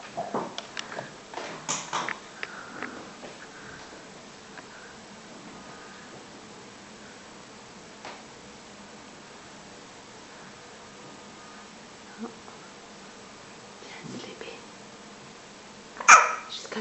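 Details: After some rustling, a girl sleeping in someone's arms makes short, soft, jerky catches about every four seconds in a quiet room; hiccups.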